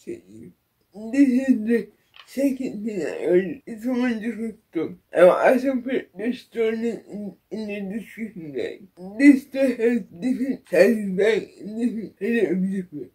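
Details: Speech of an adult woman with cerebral palsy, real, in her own voice; no specific speech impairment is described.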